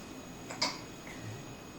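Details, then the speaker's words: Infant hiccups shortly after drinking 8 ounces of milk, not bothering him, smiling: one short, sharp hiccup over quiet room noise. "We've got a little bit of hiccup action."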